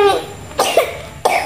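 Two short, harsh cough bursts about half a second apart, with faint room noise.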